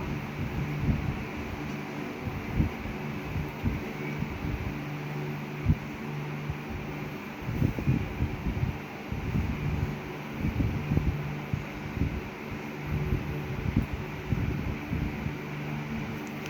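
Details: Steady low mechanical buzz of a vibrating pen (V-pen) tip used as a sensory stimulator in a boy's mouth during oral placement therapy for speech unclearness, swallowing and oral sensory issues.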